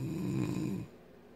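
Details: Wife giving a single short, low, rumbling snore under a second long, fading into quiet room noise, with music playing; snoring.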